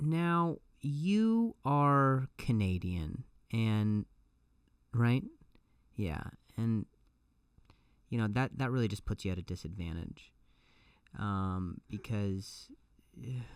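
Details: Adult male comedian who stutters and says it has gotten a lot better over the years; clip has repeated words and phrases; stuttering.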